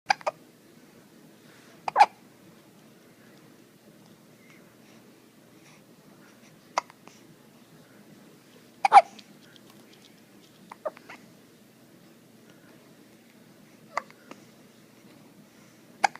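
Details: Infant hiccups: sharp, brief gulping catches recurring at irregular intervals, about nine a minute, in a quiet room.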